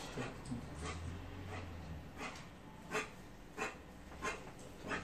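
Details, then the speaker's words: Kennel cough (infectious tracheobronchitis) in a dog, with the classic cough brought on by palpating the trachea: a run of about eight short, harsh, hacking coughs. "Videomuzda da görüldüğü üzere bu hastalık klasik bir öksürük şekline sahip. Trahea dediğimiz boğaz kısmı palpe edildiğinde bu öksürüğü vermektedir."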